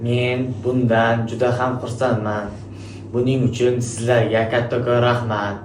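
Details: Male student who stuttered, after 10 lessons of stuttering therapy covering breathing, letter pronunciation and word linking; therapist says he overcame his stuttering; fluent speech after stuttering therapy.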